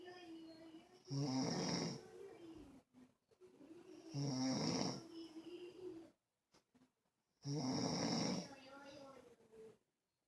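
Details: Snoring during sleep: loud, rhythmic rasping snores on each breath, about three in ten seconds, with quieter breathing between them.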